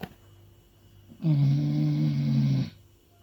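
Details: Snoring in a dog: a single loud, low, rattling snore about a second and a half long, with quiet room noise before and after.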